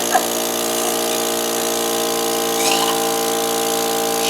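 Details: Steady mechanical hum and whine of a suction pump running, with faint room sounds; a suction device used to clear thick mucus from the throat.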